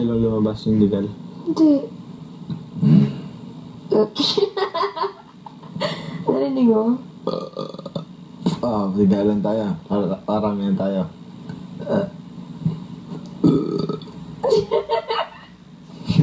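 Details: Deliberate burping challenge between two people: repeated loud, drawn-out burps with laughter and talk between them.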